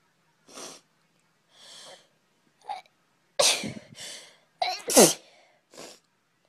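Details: A girl sneezing several sharp explosive sneezes with short breaths between, the loudest in a quick pair near the end; sneezing.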